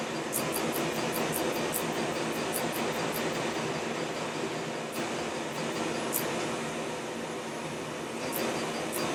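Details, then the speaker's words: Continuous loud blowing roar with faint high ticks from a cold-air cooler numbing a man's skin during laser tattoo removal. "it's just super charged air institute it's it's very cold air that has a potential to freeze the skin or just numb it and it gets the skin very cold and takes away the stain of the procedure"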